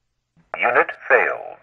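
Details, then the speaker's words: ZOLL AED Plus defibrillator during setup: a brief synthetic voice prompt given when the unit fails a manual self-test, alongside a red X in the status window and regular beeps. "if your aed ever fails a self-test either automatic or manual it will display a red x in the status window and will emit a beep on a regular basis and if it fails a manual self-test it will also say"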